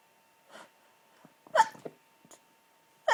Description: violent stifled sneezes, they were so hard to hold back and stifle and some of these made me double over with how strong they were